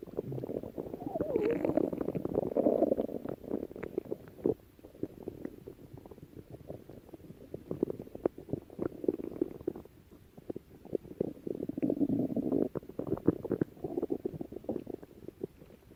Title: stomach growling